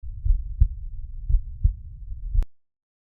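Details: Stethoscope over the tricuspid area, left fourth intercostal space at the parasternal line: low, regular lub-dub beats at about 58 a minute; normal heart sounds.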